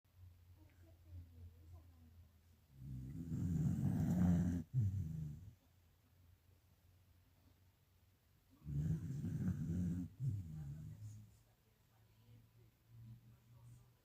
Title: lo toke roncando Jajaj